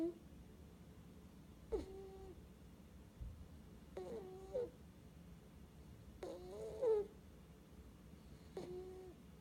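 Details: Sleeping baby: soft whistling, squeaky snores at regular intervals, about 26 a minute, in a quiet room. Snoring.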